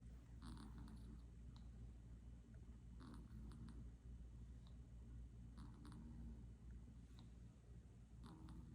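Steady low rumble with a soft, noisy snore on each breath, about every two and a half seconds (roughly 23 breaths a minute): a cat snoring.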